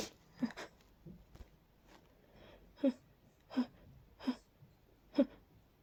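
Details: A run of short, sharp sneezes about every second with quieter catches between, from a person with allergies plus a cold, deep nasal tickle and a stuck sneeze; sneezing fit.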